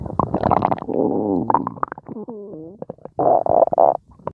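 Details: Stomach growling (borborygmi): gurgling, rumbling bowel sounds with brief pitched squeaks and bubbling bursts.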